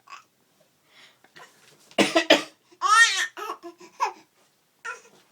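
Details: Father coughing and sneezing while a 5-month-old baby laughs. A few sharp adult cough bursts are followed by infant laughter in a small room: ordinary coughing.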